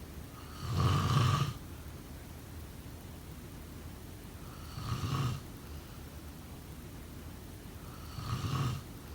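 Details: Snoring during sleep: three low, rumbling snores spaced about 3.5 seconds apart, around 17 breaths a minute, over steady background hiss.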